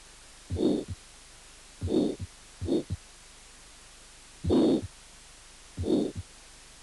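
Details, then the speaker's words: Aortic stenosis: irregular beats with a harsh systolic murmur that grows louder after the long diastolic pause following an extrasystole. "y una pausa diastólica larga 2 extra sistólica el soplos de la estenosis aórtica aumenta de intensidad"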